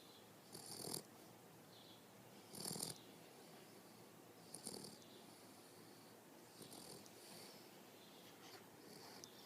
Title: Infamous Boxer snore